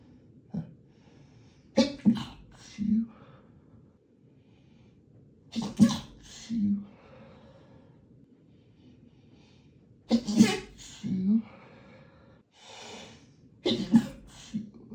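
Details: Male sneezing fit in a hotel room: four separate sneezes, each with a sharp inward breath and an explosive burst, in a quiet room.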